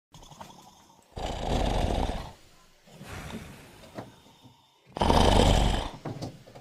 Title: My hubby snoring 😴